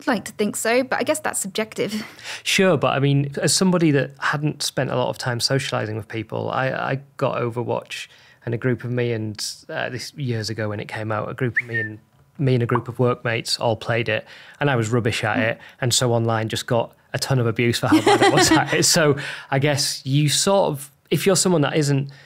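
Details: Adult male speaker; normal conversational speech.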